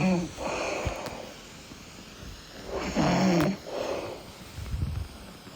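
Low rattling snores on the breaths, with quieter breathing between them; snoring during sleep.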